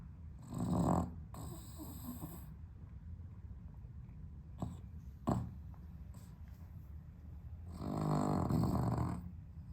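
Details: Dog with sleep apnea, somewhat improved on heart medication, sleeping on a hot 32°C day without air conditioning: loud rattling snores with quieter gaps and short snorts between them.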